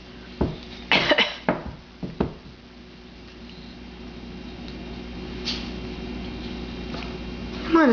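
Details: A child showing off a deliberate fake cough: a short run of forced coughs in a small room; voluntary cough.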